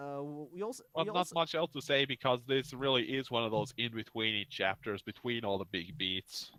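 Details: Adult male speaker; normal speech.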